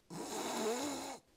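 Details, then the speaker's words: Sleep-health specialist imitating throat snoring, contrasted with nasal snoring: one strained, rattling inspiratory snore made in the throat, sounding blocked and uncomfortable. "좀 다르네요. 하면서 목이 꽉 막힌 소리가 나죠. 예. 그리고 듣기만 해도 막 불편해요."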